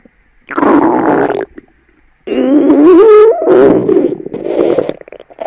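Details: Stomach growling (borborygmi): loud gurgling, rumbling bursts with a rising, squeaky tone in the middle.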